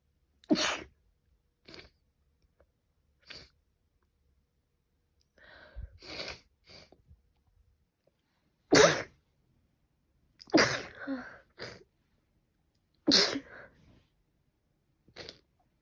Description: I sneeze in the morning because I'm allergic to pollen